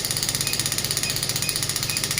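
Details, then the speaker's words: Clinical pneumatic shockwave therapy device (0.5–12 bar range) firing at 4.5 bar, with the probe against a hand: rapid, regular mechanical tapping pulses at about ten per second. "आप देख सकते हैं 4.5 बार आ रहा है, वो काफ़ी तेज intensity है।"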